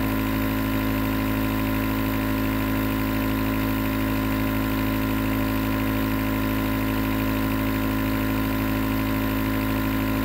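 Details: Nebulizer compressor running as white noise for sleep: steady loud mechanical hum and buzz of the motor without pause; nebulizer in operation.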